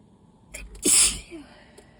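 A short in-breath, then one loud, hissing sneeze burst with a faint breath afterward; an allergy sneeze.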